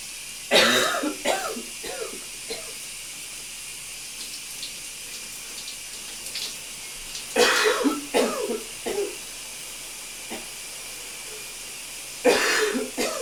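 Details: Bursts of loose, wet coughing and throat clearing over running water in a steamy shower; a productive cough bringing up mucus.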